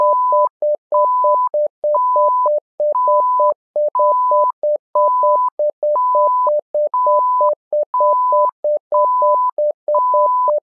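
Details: SimMon simulated patient monitor app: a repeating alarm with a steady higher tone and rapid lower beeps, cycling about once a second; simulated patient monitor alarm tones.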